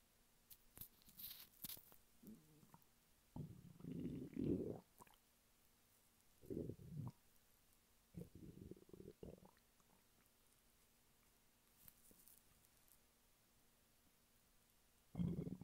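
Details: Male lying flat on his bed, hungry: faint, irregular gurgles and low squeaky rumbles in bursts over a steady background hum, normal hunger stomach rumbling (borborygmi).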